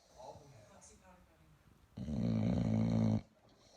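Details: Bulldog puppy snoring: soft breathy sounds, then one loud, buzzing, rattling snore lasting over a second.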